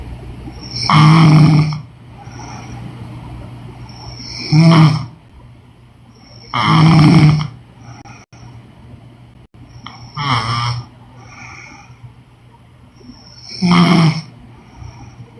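Loud, uneven snoring on breaths in, about 10 a minute, with irregular gaps and softer breaths between.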